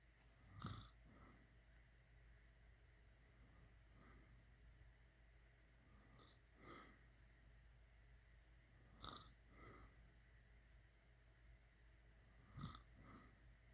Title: #snoring #snored #shorts SNORING